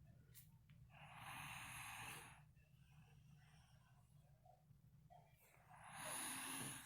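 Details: Snoring: two long, rough, rattling breaths with quieter breathing between them.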